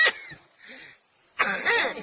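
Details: Smoker's cough: two rough, harsh coughs separated by a brief wheezy breath in.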